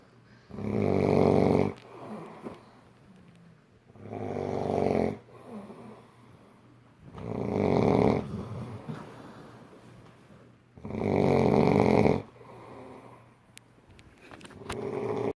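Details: Extremely loud snoring from a friend asleep with the lights out during a movie: four very loud, rough, rattling snores on the in-breath, about every 3.5 seconds, with quiet out-breaths between.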